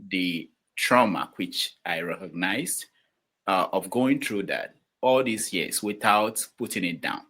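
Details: Adult man speaking; speech with mild hesitations.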